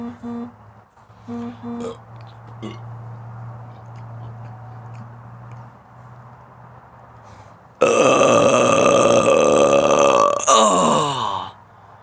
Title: Burping for 1 minute